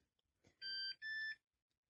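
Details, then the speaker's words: Two short electronic beeps from the home unit of an implantable loop recorder (ILR), confirming heart rhythm data has been sent to the cardiology team; home monitor transmission beep. "you've heard the beep and you'll see a tick come up on the screen that means the whole process is now complete"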